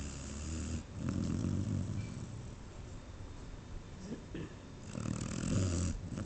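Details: Sleeping dog snoring: low rumbling snores with each breath, a few seconds apart.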